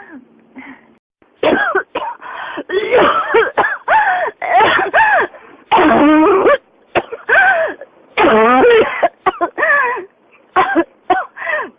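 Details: Adult with a persistent cough linked to pneumonia: a rapid run of harsh, voiced coughs and throat-clearing bursts, barely pausing between them.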